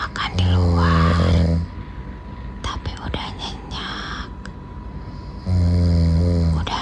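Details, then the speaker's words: Husband fallen fast asleep, also sleep-talking: two long, loud, rumbling snores on inhalation, separated by a quieter gap with faint rustling, heard while his wife talks; ordinary snoring in deep sleep. "Dari dia yang tadi ngajakin jalan dan makan di luar, tapi tepar sampai ngorok. Kedengeran enggak sih tadi pas aku lagi ngomong?"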